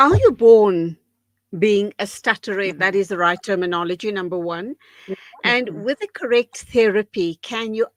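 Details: Adult woman speaking; normal fluent speech.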